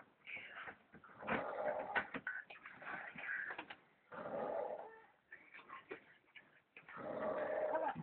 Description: very loud snoring like a pig lol